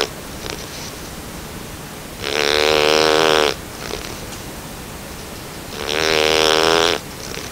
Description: A quick Video of my Puppy Snoring. He's a Bernese Mountain Dog just over 9 weeks old.